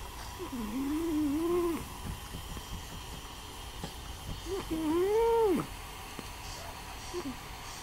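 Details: Snoring with a wheezy, whistling quality: two drawn-out, tonal, whistling snore-like breaths with quieter noisy breathing between them.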